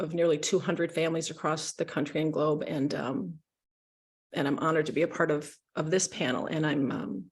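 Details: Adult woman speaking; no speech disorder.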